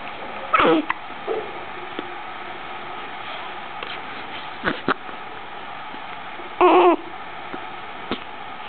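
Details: Girl with hiccups that don't seem to bother her: two short, sharp voiced gulps several seconds apart, faint clicks between, quiet room; hiccups.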